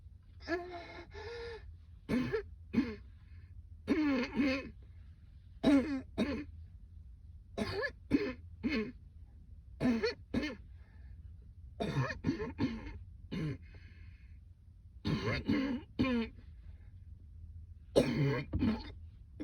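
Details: Woman on a rooftop, fit so persistent she couldn't return to work: repeated harsh coughs in pairs and triplets with short pauses, around twenty in all; coughing fit.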